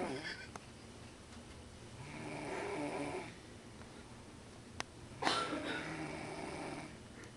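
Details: Soft rasping snores about every three seconds over steady airplane cabin engine drone; ordinary snoring.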